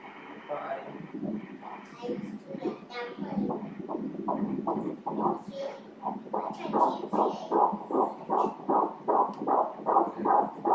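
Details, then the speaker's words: Fetal heartbeat on Doppler during a pregnancy ultrasound, fast and regular at 155 beats per minute, a normal rate. "آئیے بچے کے دل کی آواز سنیں، چلیں... بچے کا دل کہاں ہے؟"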